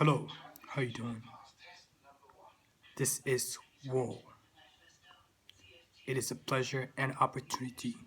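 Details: Stuttering in an adult man who says he still stutters, with word repetitions.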